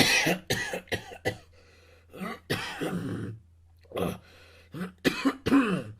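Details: Recorded sound effect: repeated sharp, harsh adult cough bursts in clusters of three or four with short pauses, over a faint steady hum; cough.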